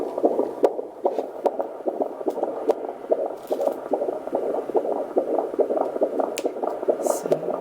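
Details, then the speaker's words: Fetal heartbeat of a baby boy, recorded by Doppler at a prenatal visit before 32 weeks of pregnancy, rate 144 a minute: rapid, regular whooshing pulses. "Now I'm just going to insert the baby's heartbeat from my last visit. So"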